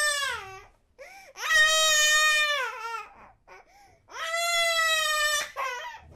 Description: 8 month old baby crying sound effect (Long Version)